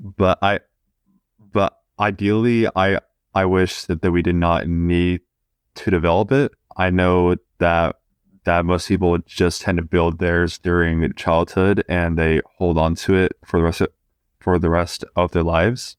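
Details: 20-year-old man who has stuttered since about age two: stuttering.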